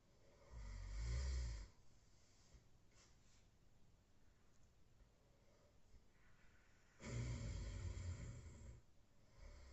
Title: worse snoring I've ever heard from my roomate 😂🤬